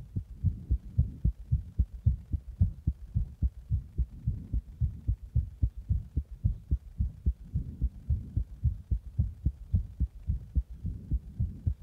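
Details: Fast, regular low heart thumps at roughly 110 beats per minute, recorded after drinking a Monster energy drink in the bath and then applying pressure (compression); quickened heartbeat.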